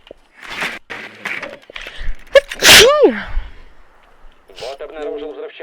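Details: Female streamer sneezing: a quick breath in, then a sharp, explosive sneeze, followed by brief talk.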